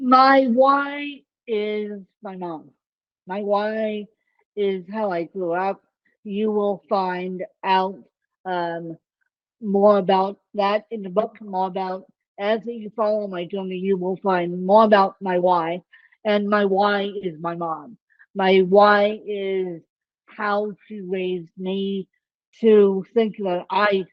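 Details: Adult woman with self-reported ataxic cerebral palsy; the speech impairment type is not named; dysarthria (ataxic cerebral palsy).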